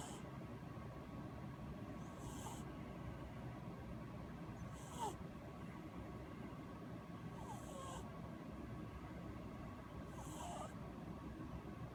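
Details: Ramen, an orange cat, napping: soft, faint hissing breaths recur steadily about every 2.6 seconds, roughly 23 a minute, over low room hum; gentle snoring of a sleeping cat.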